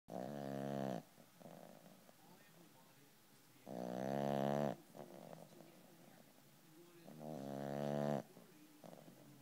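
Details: A 12-pound puppy snoring: three long, buzzing, tuneful snores about every three and a half seconds, with softer breathing between them.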